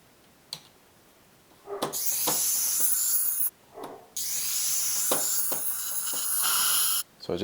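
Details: Steady high hiss of a dental ultrasonic scaler (Mad inserts) with water spray and suction, in bursts separated by brief pauses and clicks.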